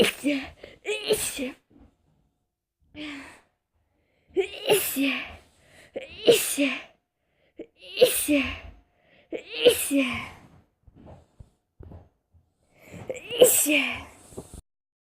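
A run of about seven sharp, forceful sneezes, each with a quick indrawn breath before it and short pauses between.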